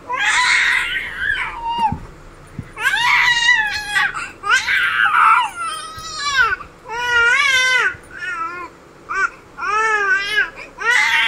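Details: Infant crying in repeated wailing bursts with short gasping pauses between them, in a small quiet room; ordinary infant crying.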